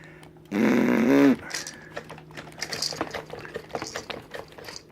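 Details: Infant grinding teeth (bruxism): a brief squeal, then a run of quick dry scraping clicks.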